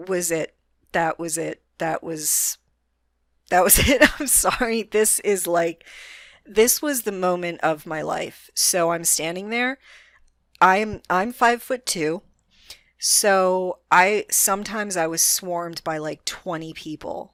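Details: Adult woman with a self-described moderate, not severe, stutter that is audible but which she can control most of the time; stuttering.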